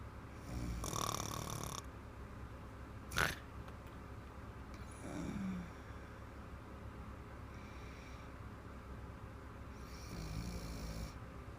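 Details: Irregular, rough snoring noises on breathing in, a few separate snores over about twelve seconds, from a woman asleep during a massage after drinking a bottle of wine; snoring.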